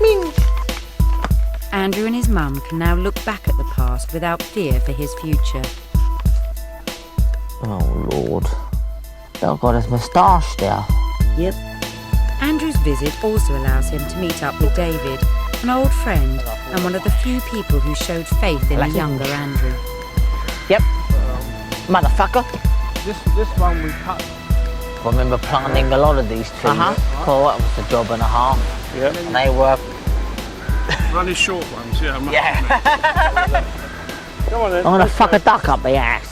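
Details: Adult man from London with severe Tourette syndrome ('super Tourette's'), diagnosed at 13, with involuntary vocal outbursts and obscene utterances during a phone call; vocal tics with coprolalia (Tourette syndrome).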